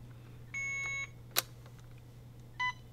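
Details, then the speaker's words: Alaris IV infusion pump during a nurse training demonstration: two electronic beeps, one long and one short, over a low room hum as the line is seated and the safety clamp closed; infusion pump beep. "it beeps at me I've got about a half an hour left and then I simply just press Start and my infusion will go"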